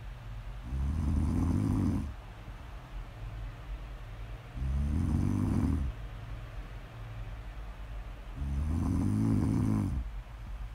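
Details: Three long, low rattling snores, about 15 a minute, separated by quieter breaths; recorded as snore ASMR audio: snoring.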